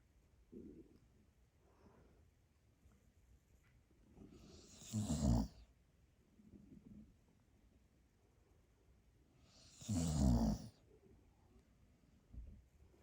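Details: Pet dog snoring very loudly while asleep: two loud, rough snores about five seconds apart, with softer breathing sounds between, in a quiet room.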